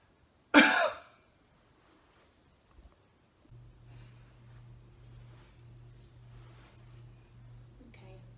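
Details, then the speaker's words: Assisted cough: a physiotherapist's hand presses under the patient's ribs; deep breath in, hold, then one strong, sharp cough burst with forceful abdominal expulsion, then quiet room hum. "for this one I'm just gonna have my hand right here under your ribs and I want you to take a deep breath in hold and then a cough"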